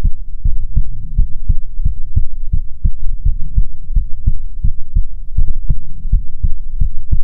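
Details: ASMR heartbeat recording, presented as soothing heartbeats from a female persona: steady, regular, deep thumping, about 85 beats per minute, with a faint hum underneath; heartbeat.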